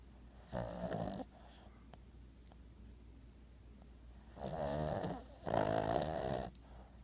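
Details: Two rough, rattling snores with a quiet pause between breaths from Maude, an 11-year-old Boston terrier, sleeping and twitching; snoring.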